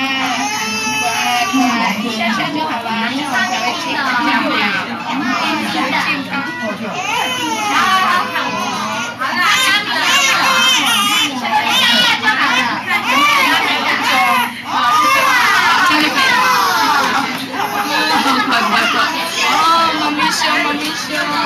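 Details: A young girl crying and trembling after an injection: steady crying with wavering, trembling sobs and brief catches for breath.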